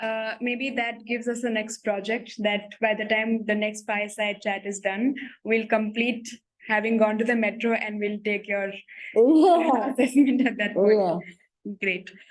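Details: Adult woman speaking; typical speech.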